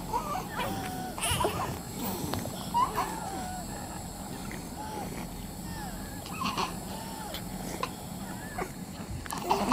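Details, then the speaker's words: Recorded asthma attack in a child, attributed to illegal levels of air pollution: strained, squeaky wheezing breaths and whimpering over background noise. "How does it make you feel when I tell you that this child is having an asthma attack? It is an asthma attack caused by air pollution of illegal levels, air pollution caused by the burning of fossil fuels,"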